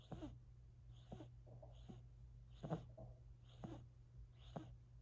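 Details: Silver Siberian kitten, 4 months old, snoring while asleep: regular soft snoring breaths about one per second with a faint whistling edge.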